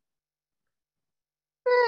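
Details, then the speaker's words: Voice imitation of the Gallavardin phenomenon in severe aortic stenosis: the murmur becomes musical, a brief pure-toned hum, as the stethoscope moves from the aortic area down the left sternal border to the apex. "that's called a gallivardin phenomenon of severe aortic stenosis"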